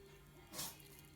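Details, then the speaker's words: Cat sneeze: a single quick, hissing sneeze over faint background music. "Did you hear the sneezing? Siam, my little alien cat, he sneezed right then."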